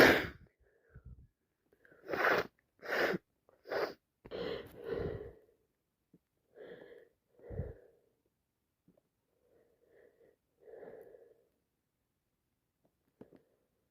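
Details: Person with a bad head cold who can't stop sneezing: a run of several forceful, wet sneezes with audible in-breaths between, then quieter sniffing.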